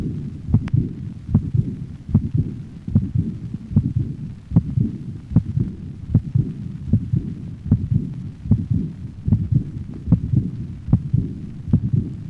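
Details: Dog with aortic insufficiency: regular canine heartbeat with a high-frequency, blowing decrescendo diastolic murmur beginning with the second heart sound and fading, played at slow speed then normal rate.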